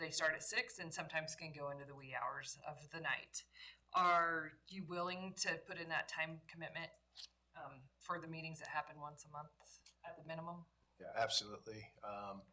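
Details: Adult speakers in a meeting room; normal speech.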